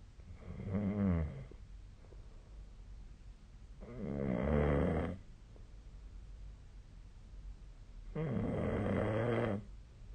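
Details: Sleep snoring recorded with a snore-tracking phone app: three loud, rattling inspiratory snores spaced by quiet pauses, about 16 breaths a minute.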